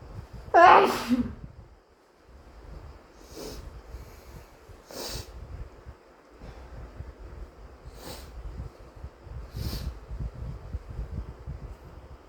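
One loud wet sneeze, then four short wet snorting nose blows in a quiet room.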